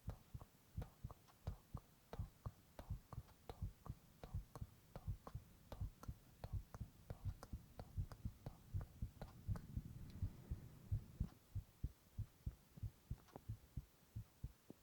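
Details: Adult male's normal heart sounds recorded in a whispered ASMR recording, steady paired lub-dub at about 83 beats a minute under a faint low hum.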